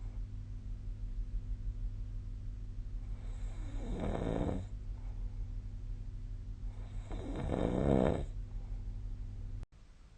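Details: Two rough, rattling snores about four seconds apart over a steady low room hum, each just over a second long: snoring during sleep, recorded with a snore-tracking app.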